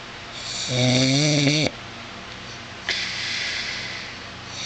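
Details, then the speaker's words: Adult husband snoring while asleep at 2:24 a.m., recorded by his wife who says it is loud while he denies it: a loud rattling snore on the in-breath, then a quieter breathy out-breath over background hiss; snoring. "this is my husband snowing he says he doesn't Snell loud they doesn't believe me you tell me if it's loud"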